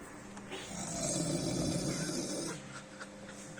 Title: snoring at work